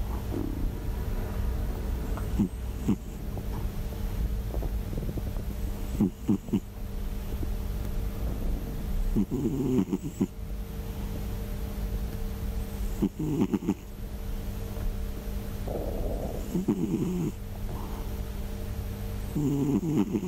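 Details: Sleeping black-and-white (hachiware) cat snoring: low, rumbling snores over steady room noise, deep and strikingly like a middle-aged man's snoring.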